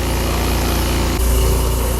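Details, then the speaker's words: Old oxygen concentrator, long unused, after home repair with oversized tubing and compression fittings, switched on and leaking air everywhere: steady low motor drone with a rhythmic pulsing hum and a pitch shift as the compressor runs. "So I don't know if these compression fittings are gonna hold, but let's hit the button and see what happens. Oh yeah, we're definitely leaking everywhere."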